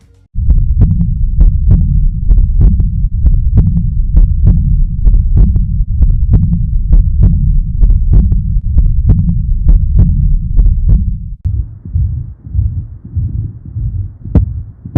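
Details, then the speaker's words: Aortic regurgitation murmur: regular heartbeat about 65 per minute with an early diastolic rushing murmur between beats. "ction during ventricular diastole it leads to an early diastolic murmur the intensity of which is often increased when the patient grips their hand it leads to a collapsing pulse and a wide pulse pressure"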